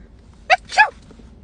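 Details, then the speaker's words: Staged sneezing prank in which a person sneezes in someone's face: one sharp two-part burst, a quick intake then an explosive release. A single sneeze. "I'm so sorry I'm really sorry was that your spit I sneeze by oh my God"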